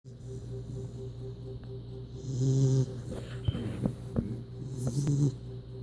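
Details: Puppy snoring loudly like a grown man: low rattling snores on in-breaths with a few short snorts, over a steady low hum.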